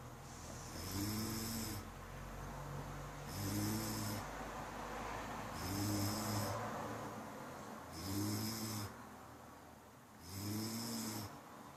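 Five regular rumbling snores about every two and a half seconds, roughly 25 breaths a minute, over steady background hum; snoring.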